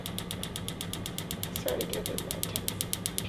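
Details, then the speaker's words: Extracorporeal shockwave therapy applied with gel to the lateral elbow over the proximal radial head: rapid regular sharp clicking pulses, about four a second, as the applicator is moved around. "we could go ahead and get the sound pulses going on so what you're going to be hearing is these are the sound pulses"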